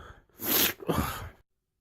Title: Sneezing